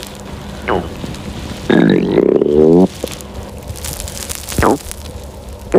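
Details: Hungry girl's stomach growling from hunger: gurgling, squeaky abdominal rumbles in short bursts, including a long rising-and-falling growl; borborygmi.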